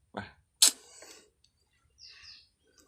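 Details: Goat with seasonal cough and flu, runny nose, during weather change, several in herd affected: two short, sharp bursts then faint nasal snorting; coughing and sneezing.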